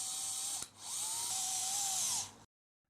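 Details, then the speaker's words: High motor whine for about two seconds, pitch shifting under load, as a power hexagonal screwdriver drives a 48 mm cortex screw through a 3.5 VA LCP proximal tibia plate fixing a bicondylar tibial plateau fracture 41C3. "A 48 mm cortex screw is inserted initially under power with the hexagonal screwdriver shaft"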